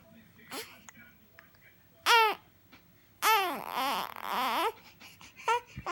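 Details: Infant waking up, with several short cries rising and falling in pitch and quiet fussing between, in a small room; infant cry.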